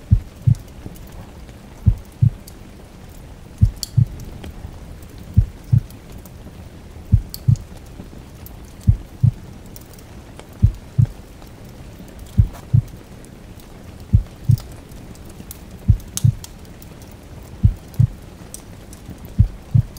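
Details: Slow, steady, regular lub-dub heartbeat at about 35 a minute mixed with heavy rain and crackling fireplace sounds, relaxing ambience: a slow heartbeat.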